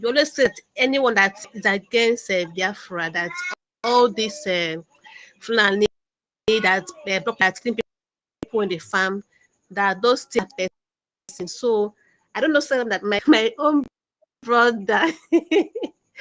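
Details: Adult male phone caller who identifies himself as a stammerer; stuttering.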